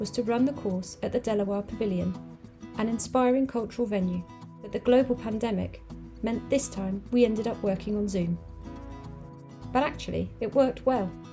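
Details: Adult woman speaking; normal speech.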